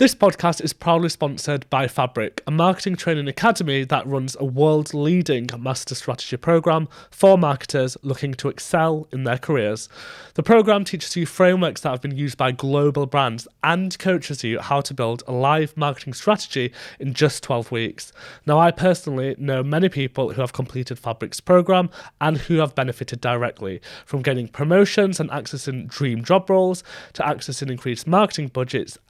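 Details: Adult man; typical speech.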